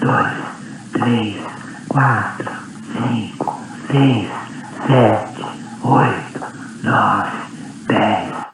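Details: Female patient with vocal fold paralysis counting numbers, with some compensation; classic breathy voice with large air escape.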